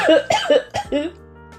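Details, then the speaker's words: An adult who says they are sick, with a bad voice and cold air irritating the nose, gives a quick run of four or five short, voiced coughs over steady background music while talking. "Euh, je m'excuse si jamais j'ai laissé tous les toutes les fois où j'ai toussé au montage, mais écoutez, je suis malade quoi."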